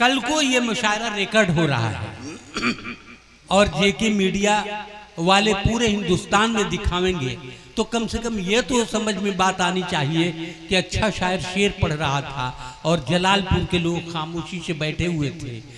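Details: Adult man speaking to an audience; normal voice.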